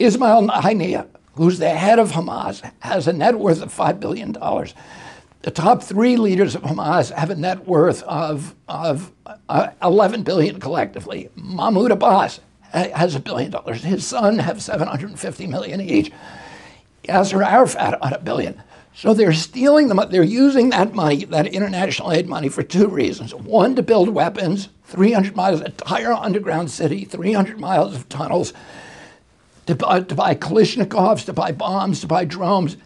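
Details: Adult male with a very strong voice until age 42, then a neurological injury in 1996; he says his brain sends wrong signals to his vocal cords, not a vocal cord problem; spasmodic dysphonia.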